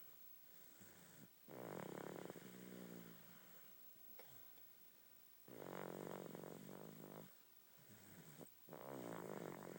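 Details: Snoring: loud rattling snores on each in-breath, three in about ten seconds, with quieter breathing between; ordinary snoring.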